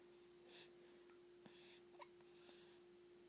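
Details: A baby's soft, brief catching breaths repeating about every second in a quiet room with a steady hum; repeated baby hiccups.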